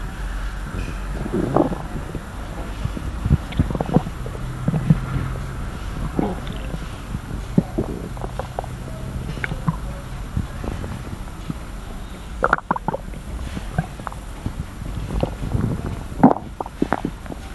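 Low gurgles, rumbles and scattered crackly pops over a steady low hum; ordinary stomach growling from moving gas and fluid in the gut.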